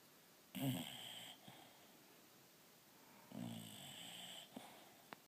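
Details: Sleeping bulldog dozed off on its owner while the owner read a book: two loud, rattling, snorting snores with faint room noise between them.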